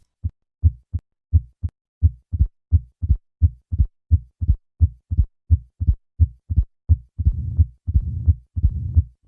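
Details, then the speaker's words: Mitral stenosis at a heart rate of 85: normal heart sounds first, then an added opening snap and a low rumbling diastolic murmur that is easily mistaken for a systolic one. "listen to the murmur of mitral stenosis at a heart rate of 85 and notice how easy it is to mistake this for a systolic murmur I will begin with normal heart sounds and then add the opening snap and then the murmur"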